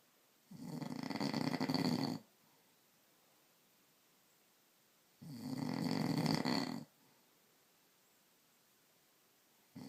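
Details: Husband's habitual snoring in sleep: two loud, rough, rattling snores about 4.5 seconds apart with quiet gaps between.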